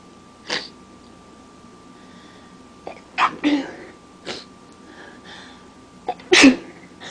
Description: omg my nose wont stop tickling and running my allergies are so bad right now but it feels good after some good sneezes!